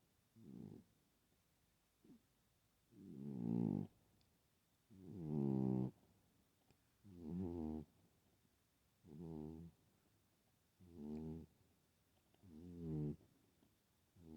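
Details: Sleeping female cat snoring with soft, fluttering snores at about 30 breaths a minute in a quiet room; she is known to snore but not usually like this; snoring.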